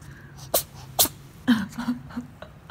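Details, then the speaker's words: Cat sneezing twice, quick and sharp, after its face was pinched while sleepy, followed by a brief voiced sound and quiet room noise. "哎呦，你打喷嚏打我手上了。"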